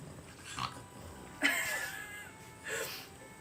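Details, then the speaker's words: Dog with scar tissue in his lungs and allergies on two medications: three rough, wheezy breaths with a faint whistle, not growling but how he sometimes breathes; noisy abnormal breathing from lung scarring. "also scar he has scar tissue in his lungs so that's the sounds you just heard that was not growling that was just how he breathes sometimes"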